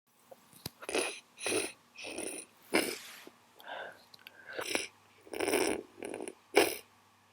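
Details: Sniffling during the speaker's own cold: repeated short, wet nasal sniffs and snorting bursts in quick succession from a congested nose.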